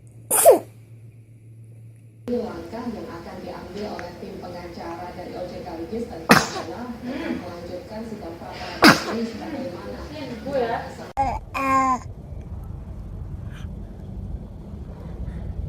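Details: Baby sneezing: several small, sharp infant sneezes with baby sounds and quiet room noise between them; ordinary sneezing.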